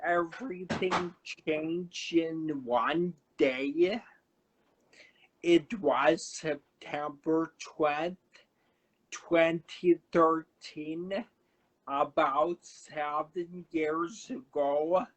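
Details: Adult man, about 35 at a cerebellar stroke in September 2013, initially unable to talk; paralyzed vocal cord, voice like permanent laryngitis, with aphasia also mentioned: dysarthria with dysphonia after stroke.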